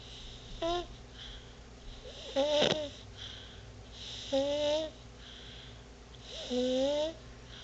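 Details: Baby snoring: soft, whistling, squeaky snores with breathing noise, about 30 a minute during sleep.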